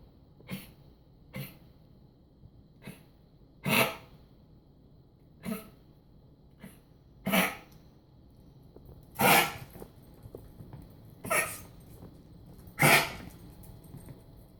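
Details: Dog coughing, Sept 26, 2016: repeated short, forceful coughs, about ten in fifteen seconds, some harsher. The coughing lasted an hour that morning and resumed while upright from about 4 p.m. until bedtime.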